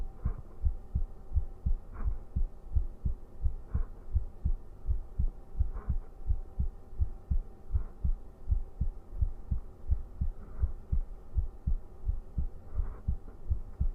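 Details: Man's heartbeat heard from his chest during a bedtime ASMR stream: steady, regular paired beats at about 85 a minute with a faint steady hum behind; normal heartbeat.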